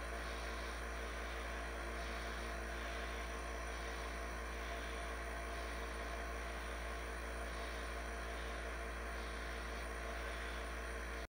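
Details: Steady mechanical drone with a low hum and constant hiss, no pauses: a compressor nebulizer running.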